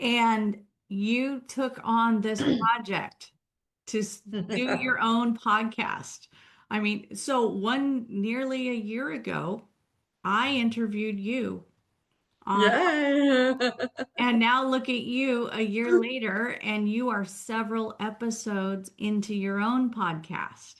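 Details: Adult woman speaking; normal speech.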